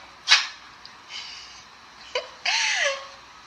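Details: Dog deliberately fake-sneezing to avoid doing tricks for a treat, described as a faking hypochondriac: short, sharp nasal bursts then a brief whine; playful fake sneezing, not illness.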